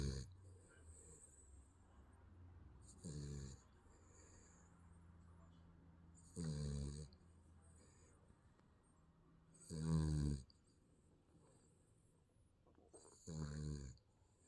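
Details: Infant snoring during sleep: soft, low, rattling snores, four breaths over about 15 seconds (roughly 17 a minute) with quiet pauses between.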